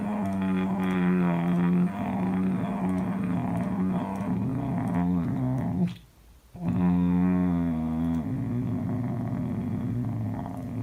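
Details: Adult man with the rare sleep disorder catathrenia, recorded asleep by his wife; long droning voiced groans on the out-breath broken by a brief silent pause: sleep-related groaning.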